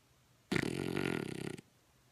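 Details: One loud, rough, rattling snore lasting about a second, with quiet room noise before and after; snoring.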